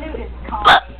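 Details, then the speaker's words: A single abrupt, sharp voiced hiccup against quiet room noise, from a person with persistent hiccups that will not stop and hurt. "Stop hiccoping right now. They can't stop. Oh, they hurt."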